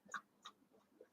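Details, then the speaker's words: Pet dog with congestive heart failure, on two heart medications, gives a few short, honking coughs, a cough from congestive heart failure. "so you'll hear her coughing that's honey turkey congestive heart failure condition"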